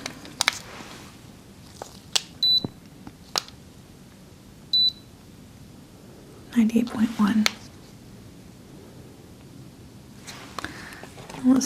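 Two short high electronic beeps from a digital thermometer during a role-play exam, with quiet handling noises and soft voices.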